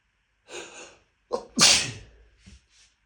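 A breathy intake, a catch, then one forceful sneeze with a trailing exhale and small sniffs.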